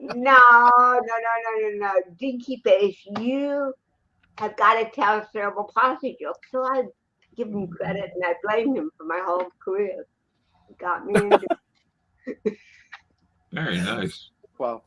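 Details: Adult woman, an actress and comedian, with cerebral palsy since birth in 1956, in real unscripted speech: dysarthria (cerebral palsy).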